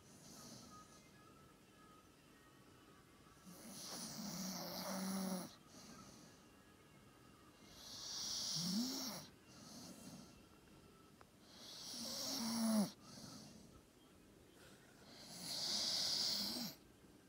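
Regular snoring breaths about 16 a minute, each a hissing, snorting draw with a rumbling edge; a sleeping dog snoring.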